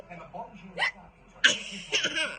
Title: has the hiccups